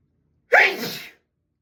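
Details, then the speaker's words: A single sharp, explosive sneeze with a quick inhaled lead-in and breathy release in a small echoing bathroom, part of an uncontrollable sneeze fit from a tickle; sneeze. "I can't stop. Thank you. Thank you. It tickles so bad."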